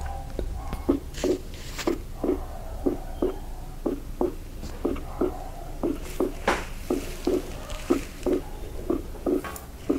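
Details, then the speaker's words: Regular heartbeat around 60 a minute, second heart sound duller and split on inspiration, crisper on expiration, in a veterinary cardiac auscultation lesson; normal physiological splitting of the second heart sound. "prestem atenção que na inspiração né que é na segunda bulha o som é mais opaco e na expiração o som ele é mais nítido então escutem com atenção"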